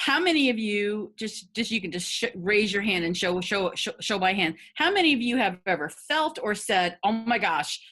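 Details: Adult woman who has stuttered for 50 years; stuttering.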